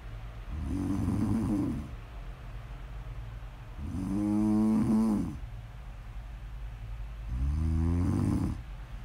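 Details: Sleeping person, ASMR snore audio: three long, rumbling snores at regular intervals, about 18 breaths a minute, with steady background hum; snoring.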